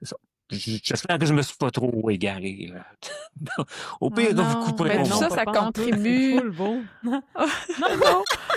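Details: Stuttering in a French-speaking adult who stutters.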